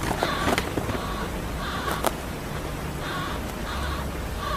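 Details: A sleeping baby hamster snoring: faint, high, squeaky snores repeating about every second over steady background hiss.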